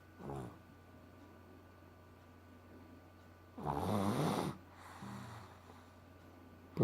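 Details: Two or three rough, low, vibrating breath sounds against steady room hum; snoring.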